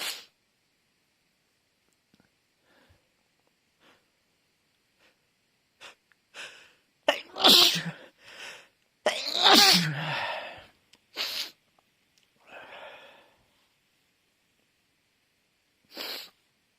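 A run of several sharp sneezes, with quieter sniffs and breaths between them. A sneezing fit.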